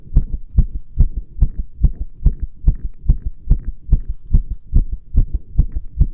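Rapid, regular, muffled heart thumps at about 140 a minute, heard with firm pressure on the chest; these are ordinary heart sounds.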